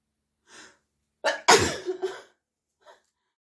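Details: Sneezes deliberately induced in an adult man: a quick indrawn breath, one forceful explosive sneeze, then a short trailing breath; single sneeze.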